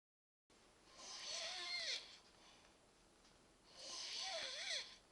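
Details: Snoring during sleep: two hissing, whistling snores through the nose, about three seconds apart, with a quiet pause between.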